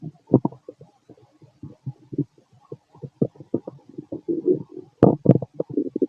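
Bursts of bubbling gurgles and squelches, loudest near the end: active bowel sounds, ordinary stomach noise.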